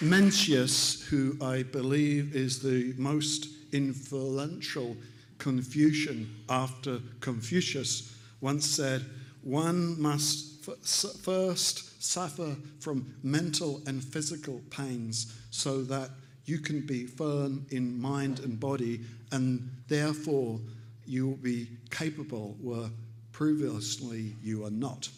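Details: Aphasia after stroke caused by carotid artery plaque breaking off and lodging in the brain, in an adult man about three years post-stroke after extensive speech therapy; aphasia.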